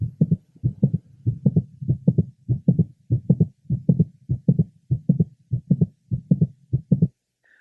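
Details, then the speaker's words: Apex of a 23-year-old woman with mitral valve prolapse; regular rhythm near 100/min with a prominent mid-systolic click; first heart sound slightly accentuated but normal, second sound normal. "note that there is a prominent mid systolic click which is typical of mitro valve prolapse the first hot sound is slightly accentuated but normal as is the second heart"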